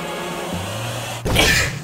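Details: A brief voiced intake, then one sharp airy sneeze from a young adult man over faint background music and room noise while cooking.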